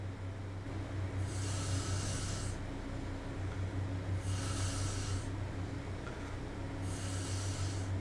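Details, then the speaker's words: Woman's own recorded sleep snoring: three soft breathing cycles over a steady low hum, each with a hissing, fluttery intake, roughly 20 breaths a minute. "Esso assim foi um Ronco trans isso aqui é um Ronco trans"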